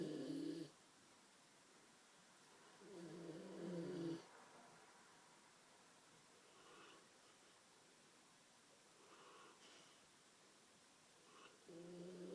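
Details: Asleep and snoring: about three low, vibrating snores in a quiet room, each followed by a softer breath out; snoring.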